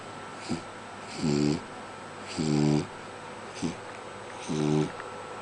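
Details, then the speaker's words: Sleeping dog (puppy) snoring: loud buzzing snores on the in-breath, each followed by a short snort, about one breath every 2 seconds; snoring. "Bailey, stop snoring. Puppy? Oi. Excuse me. Excuse me. Can you stop snoring?"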